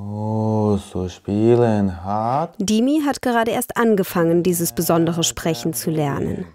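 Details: Adult speaker; normal speech.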